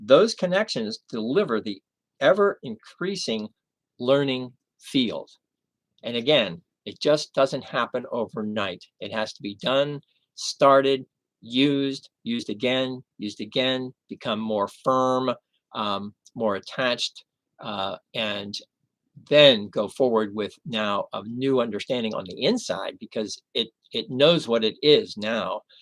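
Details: Aphasia in a male after a stroke 11 years earlier, treated with 15 hours of formal speech therapy.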